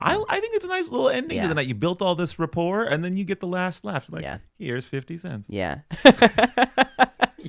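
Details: Adult man in conversation; typical speech.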